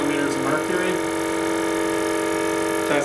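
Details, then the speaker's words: A portable airway suction unit dialled up to 300 mm, running with a loud steady mechanical hum, during an EMT/paramedic skills demonstration of suctioning after removing an OPA from a gagging patient. "going to go ahead and get my suction ready dial my suction up to 300 mm"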